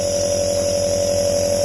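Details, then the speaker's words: Omron NE-C28 compressor nebulizer switched on at setting 1, producing mist: steady mechanical hum with a fast, low buzzing pulse. "tombol on ke angka 1 seperti ini kita pencet nah bunyinya begini ini keluar uap ya tuh"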